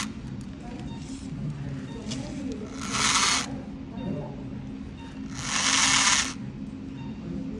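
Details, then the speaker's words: Open reduction and internal fixation of the fourth metacarpal fracture in a 30-year-old musician. Two short bursts of high whirring from a powered surgical drill boring bone for the second lag screw in the proximal segment. "So now I'm going to do the lag screws. This is 1.1 drill. It's moving. I'm going to drill with I'm going to drill with the 1.5 in the counter piece."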